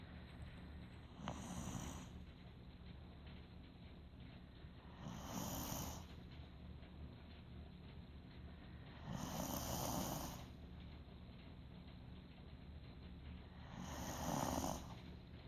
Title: Snoring 2